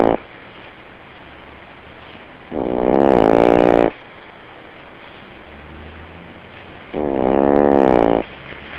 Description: my dog snores really loud even when she's awake.